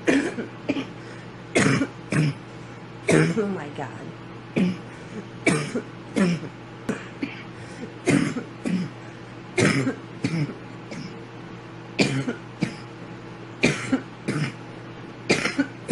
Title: girl hits the bong and has a big coughing fit